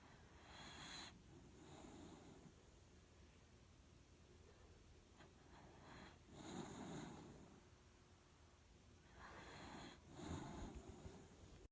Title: Dachshund snoring